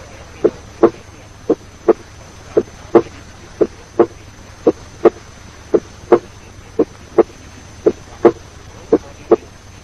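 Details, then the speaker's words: Normal heart sounds at the aortic area: regular paired sounds near 56 a minute, the second heart sound as loud as or louder than the first; teaching recording. "In the aortic area, the second heart sound is as loud as the first and sometimes even louder."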